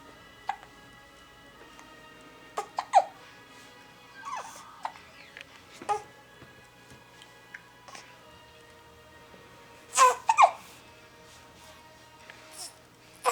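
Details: Infant hiccups: brief, sharp vocal catches recurring every few seconds over steady background music.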